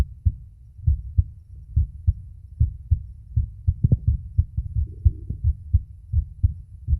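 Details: Male's own heart, recorded with a phone microphone at the auscultation spots: steady paired lub-dub thumps at about 70 a minute with a little rubbing noise. Normal heart sounds.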